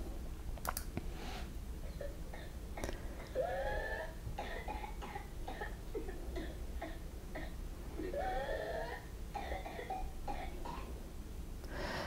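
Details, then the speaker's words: Boy with whooping cough (pertussis): runs of repeated paroxysmal coughs with high, strained drawn-in breaths between them; coughing so severe it is hard to breathe and can induce vomiting. "the cuffing by these children in this case by this boy is so bad that it's difficult to breathe induces vomiting and sometimes people also cover blood because they're coughing so badly"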